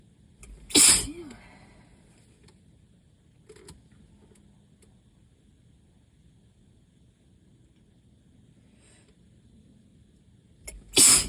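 Two loud, explosive hissing sneezes about ten seconds apart, with a quiet room between: repeated allergy sneezing.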